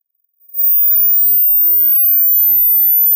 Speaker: pause the video as soon as you start hearing a high pitch sound in order to see your results